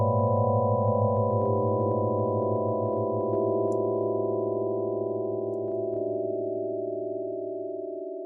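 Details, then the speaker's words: Sonified EEG seizure recording, channel 7 and multiple channels played together, from a seizure dataset tool; steady layered electronic tones with fast rhythmic pulsing. "well that's what seure seure sounds like just in case you were wondering and of course you were wondering"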